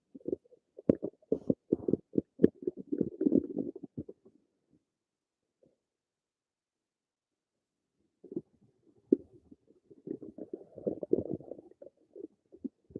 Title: Some more of my stomach noises